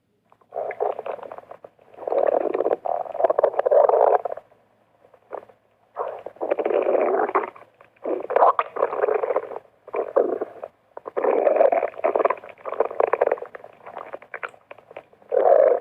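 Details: Stomach rumbling (borborygmi) while exercising: long, low, gurgling, croaking rumbles in repeated bursts of several seconds.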